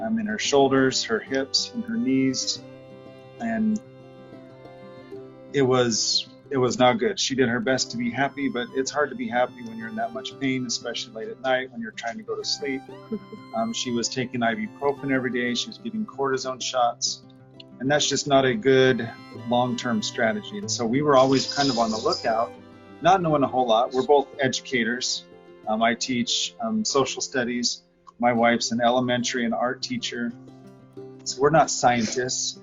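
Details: Adult man speaking; normal speech.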